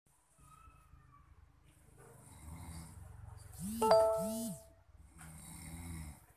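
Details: Man snoring very loudly, possibly tired: low, rattling snoring breaths with a whistling rise in the middle, mixed with a chime or music; snoring.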